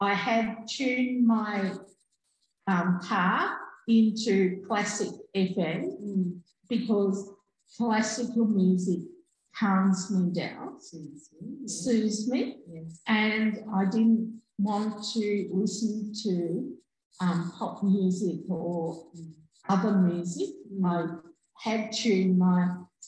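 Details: Adult woman, real stroke survivor, stroke in 2020; initially could only say "um"; residual word-finding difficulty with substitution of other words and delayed speech output; aphasia after stroke.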